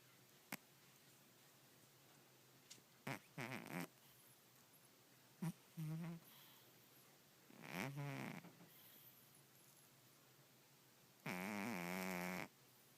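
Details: Short, irregular snorting snores with clicks, ending in one longer rattling snore, from a sleeping female cat; owner wonders about sleep apnea; snoring.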